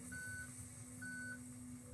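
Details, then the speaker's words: Electronic apex locator giving repeated steady beeps over low motor noise during root canal instrumentation with reciprocating motion past a ledge, signalling the file has reached the apex. "So you hear the sound, beep beep beep beep beep. That means you you reach the apex."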